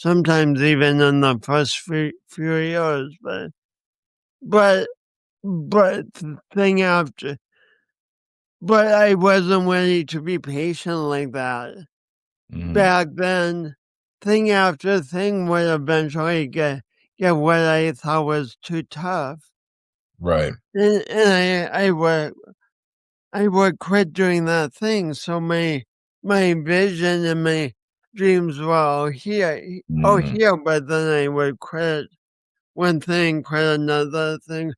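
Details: Speech impediment with disfluency in an adult man who also has coordination issues; he says he has not overcome it.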